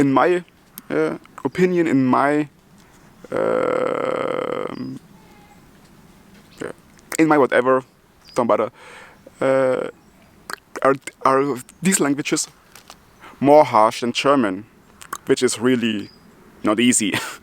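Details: Adult German man who stutters and also has multiple sclerosis, speaking English, his non-native language; stuttering.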